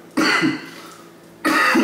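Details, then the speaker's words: Adult coughing after smoking a cannabis joint (Khalifa Mints strain) early in the morning: two harsh, raspy irritant coughs in a small room. "Yeah, normally I don't cough this much with a joint."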